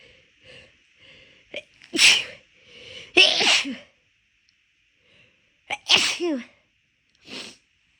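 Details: Short catching breaths build into three big, forceful sneezes in quick succession over about eight seconds; deliberately induced by a person whose nose felt off midway through a walk.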